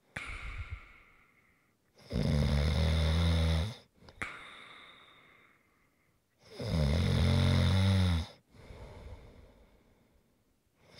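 Two long, loud rattling snores on the in-breath, about 14 breaths a minute, with softer airy out-breaths between them; snoring.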